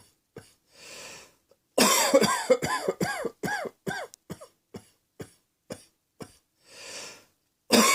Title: Cross Dressing Coughing 38